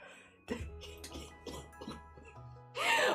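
Several short, dry cough bursts over steady background music, ending in a louder noisy burst; a cough during a cold.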